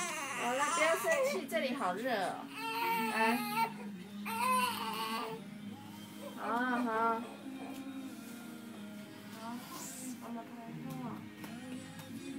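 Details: Infant during feeding and burping, fussy, intermittent crying and whimpering with background music and room noise.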